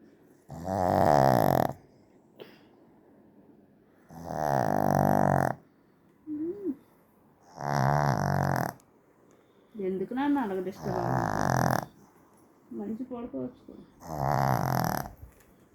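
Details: A pet dog snoring loudly: rumbling snores about every three to four seconds, with squeaky whistling noises on some breaths.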